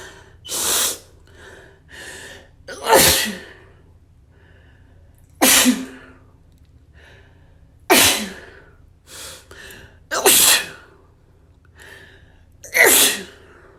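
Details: Escalating bout of about six forceful sneezes, each preceded by a gasping inhale, in a quiet room, with sniffling; repeated sneezing.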